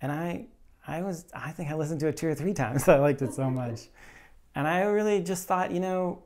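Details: Late-onset stuttering in an adult man who stutters openly; finding: stuttering.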